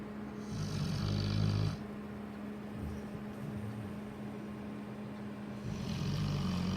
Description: Lola our cane corso snoring